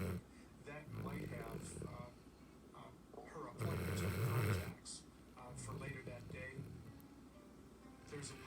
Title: A Snoring puppy update